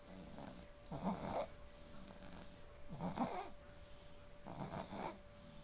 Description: This is my 6 month old baby boy sleeping & snoring so lisien carefully because my Samsung SH100 camera doesn't caught it to well.